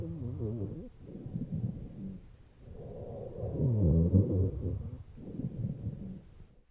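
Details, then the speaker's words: Low-pitched snoring, rumbling sounds through the breath cycles during chest auscultation, from secretions in large airways as in bronchitis. Finding: rhonchi. "secretions in large airways, as seen in bronchitis."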